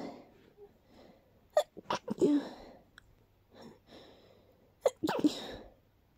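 Two sharp, explosive sneezes, each preceded by a quick intake of breath; a brief sneezing fit.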